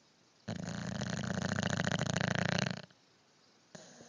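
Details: Snoring: a single loud fluttering snore lasting about two seconds, with rapid vibration throughout.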